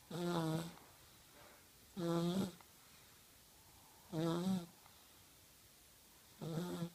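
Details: Snoring in a 1-year-old child asleep at night: regular tonal snores, four in seven seconds, roughly 29 breaths a minute, with quiet between them.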